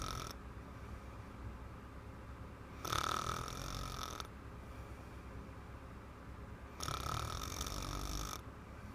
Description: A bottle of wine was a bad idea before I give her a massage, 5 mins in she was knocked out and snoring.